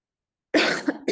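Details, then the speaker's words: A single short, sharp cough after silence, followed by a brief throat sound, from a teacher who says she has a cough while lecturing; a plain cough. "Disculpen que estoy con tos, por eso por ahí me van a escuchar tosiendo."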